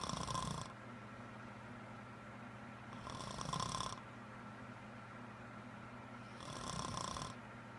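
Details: Adult woman with a serious, persistent loud-snoring problem of unknown cause: loud, regular snoring about every three seconds, around 20 breaths a minute, over steady room hum.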